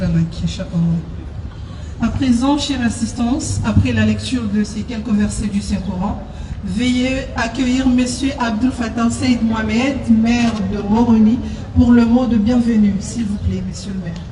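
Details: Adult speaker over a public address system; normal voice.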